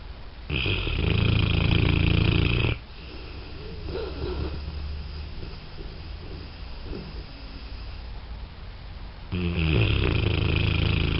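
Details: Two loud, low, rumbling snores separated by a quieter gap of breathing noise; snoring.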